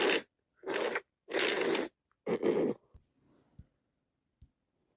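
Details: Repeated sneezing from a cold: several forceful, wet nasal bursts, then soft sniffles and breaths.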